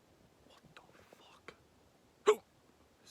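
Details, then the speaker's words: Man recording outdoors at night: soft whispered speech and faint noises, then one abrupt, loud gulping hiccup; hiccups. "Yeah, I got the hiccups, yo."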